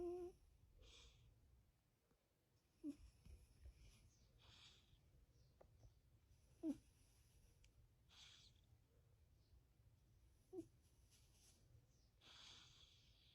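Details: Snoring described as '14 years of snoring': soft, irregular breathing with brief, squeaky, whistling snores, about 9 a minute, in a quiet room.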